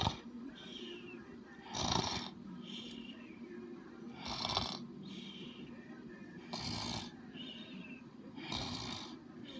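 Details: Loud, regular rasping snores about every two seconds, roughly 25 breaths a minute, with a faint whistle on the out-breath: snoring.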